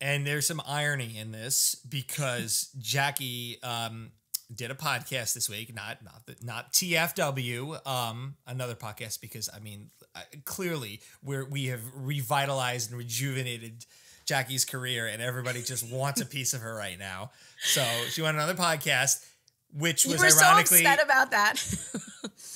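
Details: Adult speaker, casual podcast conversation; Ordinary conversational speech.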